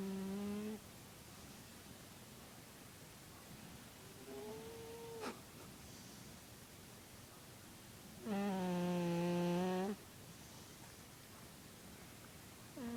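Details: Cat snoring: several drawn-out, high, humming snores on breaths a few seconds apart over steady background hiss.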